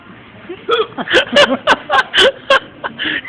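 Short, abrupt voiced gulps repeat irregularly, several within a few seconds, with faint background noise: hiccups.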